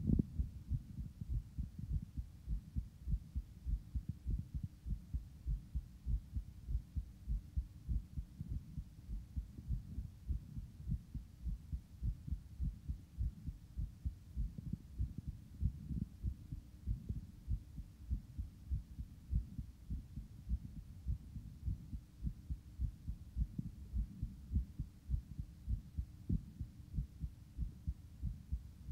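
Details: Adult male's own heartbeat recorded just after exercise: rapid, regular low thumps at about 100 beats a minute, a normal heart slowing as it settles after exercise.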